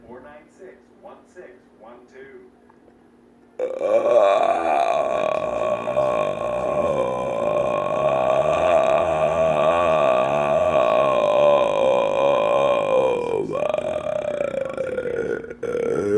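A few short hiccup-like gulps, then one very long, loud, sustained belch lasting about twelve seconds; prolonged burping.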